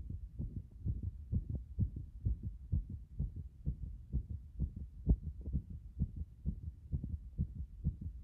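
Strong, regular low thumps at about 128 a minute: a fast, pounding heartbeat after a hot bath.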